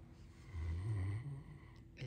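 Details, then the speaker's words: Great Dane napping and dreaming on a sofa: one low, rumbling snore lasting under a second, over quiet room noise; snoring. "that a nice snore? It's a very pretty snore. This is the snore cam."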